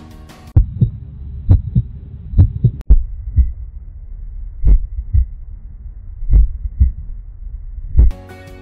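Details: Paired low heart-sound thumps recorded with an AyuSynk digital stethoscope attachment and an app, after server noise reduction, with soft background music.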